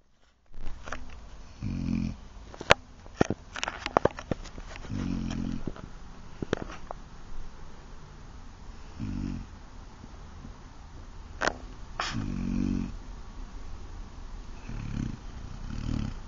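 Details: Dog asleep on a couch snoring: repeated low, fluttering snores every few seconds, some clicking noises in between.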